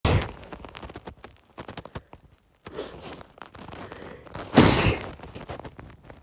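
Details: An adult, recorded while drunk, gives a forceful, harsh sneeze after a building inhalation, with a shorter burst at the start.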